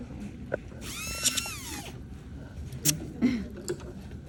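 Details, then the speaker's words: Dental drill: a brief high-pitched whine rising and falling, with clicks and faint room noise. A low-speed laminated carbide bur removes palatal caries for a class III restoration, with a metal matrix protecting the adjacent tooth; undergraduate teaching. "Então a gente começa com a broca carbide laminada na baixa rotação. É importante ter essa matriz metálica aqui para proteger o dente do lado, para não encostar no dente do lado com a broca."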